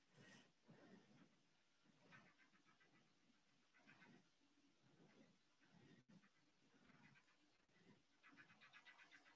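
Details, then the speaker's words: Doppler Flow Velocity System, pulsed Doppler in a small animal (mouse or rat), probe just off midline: normal carotid artery signal, rhythmic strong systolic whooshes with consistent softer flow through diastole. "so she's just off to the side of midline and so here we're seeing a nice carotid signal coming in there we go"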